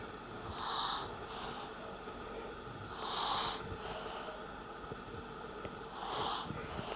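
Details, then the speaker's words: A young girl sleeping and drooling makes soft, breathy, whistling sleep breaths at about 20 a minute, with faint room noise; light snoring. "eu achava que era só adulto que roncava mas não é não escuta"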